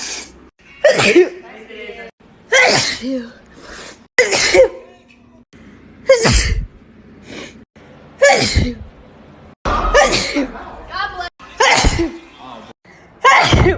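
A string of about eight sharp, explosive sneezes, most with a quick in-breath before them, in quick succession: repeated sneezing.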